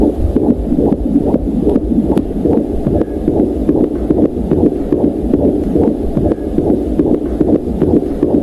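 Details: Rapid whooshing pulsations at about 146 per minute: a fetal heartbeat on Doppler ultrasound, played at the end of a pregnancy scan after the baby's growth was noted as fine.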